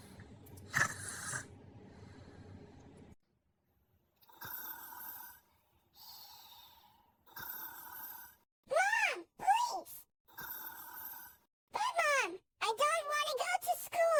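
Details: Animated character at night, not a real recording: exaggerated cartoon snoring, loud snorting breaths alternating with whistling exhales in a repeated comic rhythm.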